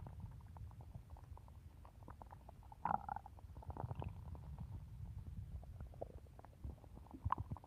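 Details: Stomach growling (borborygmi) from a hungry woman waiting to eat a cookie.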